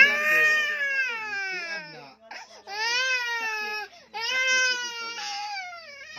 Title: crying baby😚